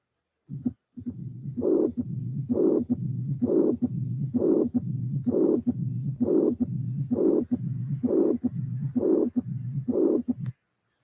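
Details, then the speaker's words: Teaching recording of mixed mitral stenosis and regurgitation, regular rhythm near 65 a minute: loud blowing systolic murmur plus low rumbling diastolic murmur. "the other one is is the astolic marble putting together you have that means that you have regurgitation and stenosis regurgitation and stenosis"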